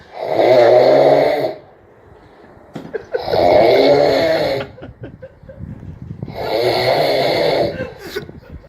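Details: Father snoring while asleep: three loud, rattling inspiratory snores, about 19 a minute, with quiet pauses between them.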